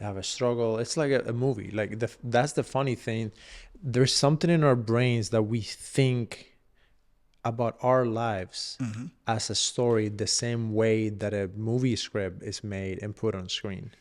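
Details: Adult man speaking; normal speech.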